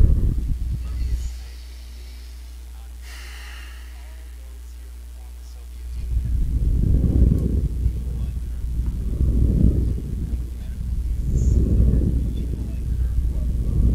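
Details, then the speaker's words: Surface EMG audio from a homemade amplifier fed into a computer sound card during weight lifting: a steady low hum, then three rising-and-falling bursts of rough buzzing about two seconds apart as the muscles contract with each rep. "so that's uh emg device um and that's measuring the electrical activities in my muscles"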